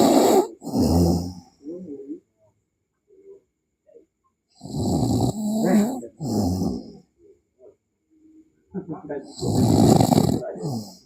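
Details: Person sleeping with loud, rough, rattling snores in irregular bursts with a hissy edge, separated by quiet pauses and soft breathing; snoring.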